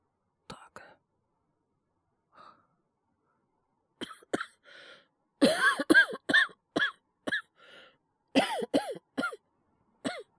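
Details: Acted cough by a male voice performer playing a character with a bad cold: repeated harsh coughs in bursts with gasping breaths between them; simulated, not a real illness.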